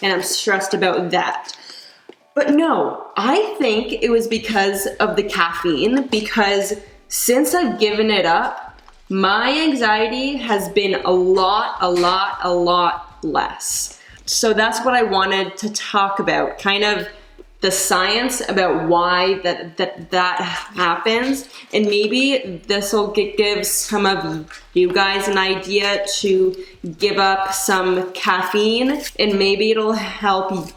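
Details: Adult woman who stutters; she says caffeine worsens her anxiety and stutter, recently gave up coffee but still drinks tea and decaf; stuttering.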